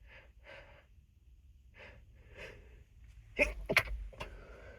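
Soft breathy sounds and sniffs, then a few sharp, muffled bursts; stifled sneezes held back with a closed mouth.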